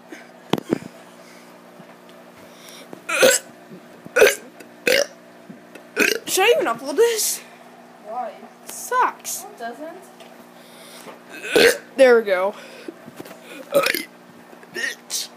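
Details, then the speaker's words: Child burping on purpose, repeated short croaky belches mixed with giggles and breaths in a quiet room; deliberate burping. "what is up i'm gonna be doing a burp video finally finally okay okay oh my god"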